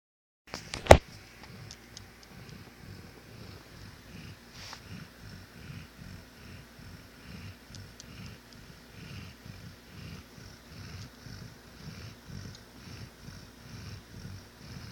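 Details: Dog snoring rapidly in deep sleep, waking its owner: soft, rapid, rhythmic rattling snores about every half second after a brief bump at the start.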